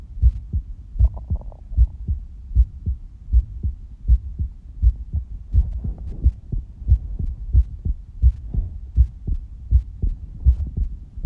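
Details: Human heartbeat recorded during breath-holding, with the pulse visible in the stomach: regular, low thudding beats at about 79 per minute over a faint hum; a steady, ordinary heartbeat.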